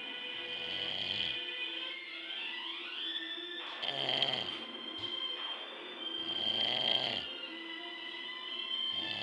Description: i could make a whole move with my dad snoring lol